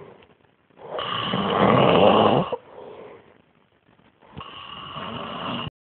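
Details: Loud snoring from a child asleep on a couch: two rough snoring breaths with a quieter exhale between them, recorded in a small room.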